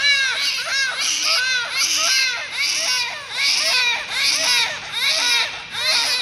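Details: Newborn twins born to the same mother at the same time: loud, rhythmic, high-pitched wails, about 76 cries a minute; a strong, vigorous, normal newborn cry.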